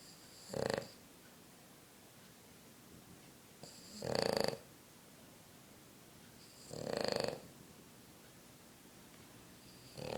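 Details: Boston terrier asleep on a couch snoring in regular raspy, rattling bursts, about 20 breaths a minute, with quiet pauses between; snoring.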